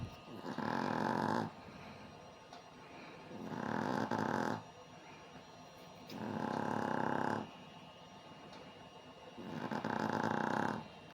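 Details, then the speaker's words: Chihuahua snoring while resting asleep: four long, regular rattling snores about every three seconds, with quiet pauses between. "Рома спит. Он типа отдыхает. Он храпит."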